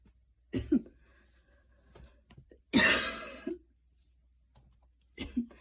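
A few light, short coughs with one harsher middle cough, after hard running; mild post-exercise cough.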